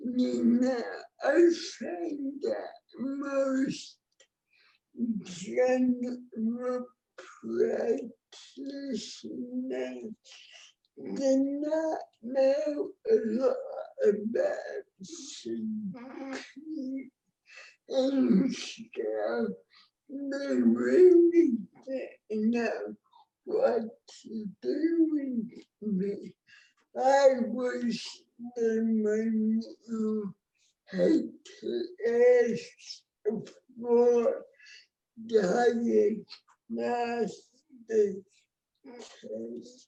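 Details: Real speech from an adult woman with cerebral palsy, a condition present since she was born before the ADA; dysarthria (cerebral palsy).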